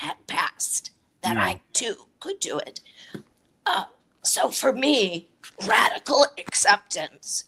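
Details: Adult woman with chronic dysphonia, a voice disorder; real patient speaking; dysphonia.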